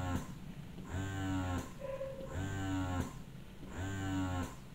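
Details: Phanpy hospital-grade double electric breast pump in expression mode (around levels seven to eight), suction-level demonstration: rhythmic motor whirs, about 42 suction cycles a minute, each with a rising hum and a click.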